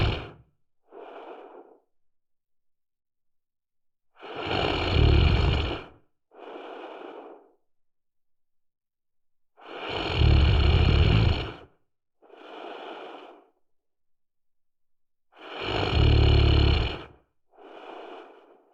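Loud rough rattling breaths in, each followed by a softer breath out, repeating about every five to six seconds; snoring.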